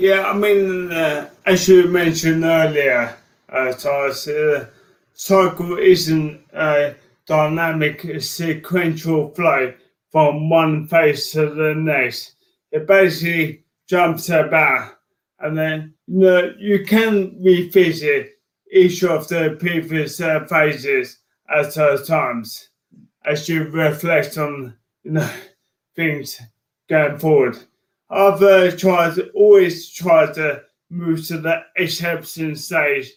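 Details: Man diagnosed with motor neurone disease in January 2018; he reports his speech became slow and slurred. Dysarthria (motor neurone disease).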